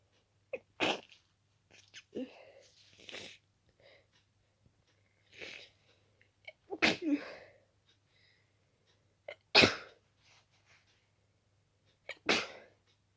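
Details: Five loud sneezes in quick succession, some preceded by short catch breaths, from a person with a very itchy nose and strong dust allergy; sneezing fit.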